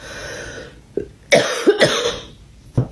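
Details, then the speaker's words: Two short, moderately strong, mildly wet coughs close together, then a faint throat sound: deliberate forced cough from an adult woman with a heavy cold she suspects is Covid (lost taste and smell), feeling better after an onion remedy. "Regarde, je vais me forcer à tousser comme ça."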